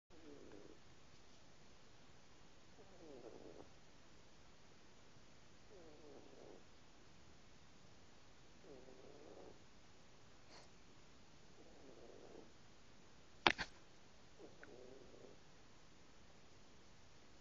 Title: Baby kitty snoring